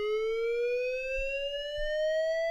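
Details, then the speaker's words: LIFEPAK 15 monitor defibrillator charging after 100 joules selected with therapy electrodes: steady electronic tone rising smoothly in pitch for about two and a half seconds until fully charged; defibrillator charging tone. "now it's fully charged and here you can see the energy available if you need to you can cancel the charge before you shock"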